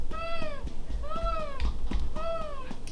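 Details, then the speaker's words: Imitated stridor during feeding of a late preterm infant: three high-pitched squeaky crowing noises about one second apart, mimicking stridor with each suck, a sign the baby is working hard to protect the airway and milk flow should slow. "tells me that she's working really hard to protect her airway, and you want to make sure that the flow of milk slows down. They should not be having stridor sounds when they're eating."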